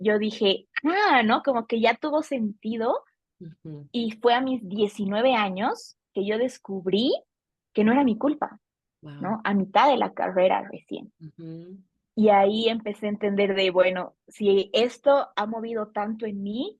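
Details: Adult woman, a Bolivian speech therapist specializing in stuttering, who has stuttered since age 4 and noticed it around ages 5–7; stuttering.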